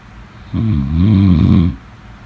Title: #snoring #snoringsleepingsoundeffect #snoringsounds #sleepsounds #snoringasmr